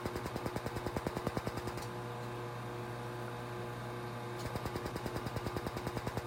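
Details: Rapid regular clicking pulses, about three per second, with a steady hum between bursts: a Laser Genesis skin laser firing during a facial treatment around the eyes.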